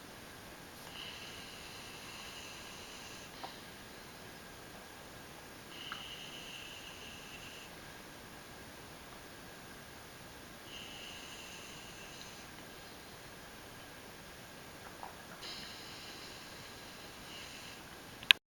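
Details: Four soft, airy, whistling breath sounds about five seconds apart over faint room hiss from a big fluffy animal named Scout; quiet snoring.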